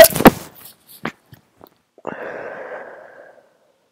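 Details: Stifled sneezes from an adult with a cold after the flu: muffled, held-back sharp bursts, short sniffs, then a long breathy exhale.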